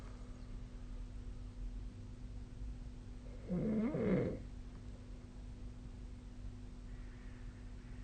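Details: Snoring recorded with the SnoreLab snoring app: a single rough, rattling snore on one breath during sleep against a steady low background hum; otherwise quiet.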